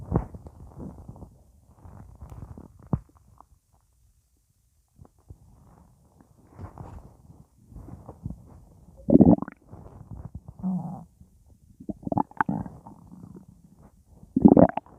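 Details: Repeated low gurgling rumbles with short bubbly bursts and a brief quiet gap, said to be just gas; stomach rumbling (borborygmi), a normal gut sound.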